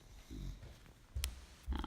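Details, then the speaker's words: Sophie, a sleeping pet, snoring nearby: low, rumbling snorts in short bursts over faint room noise. "can you hear that that's Sophie snoring she's right there"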